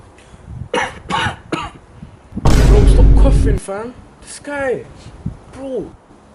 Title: When you try and make a Deal but they're always Coughing #skits #comedyskits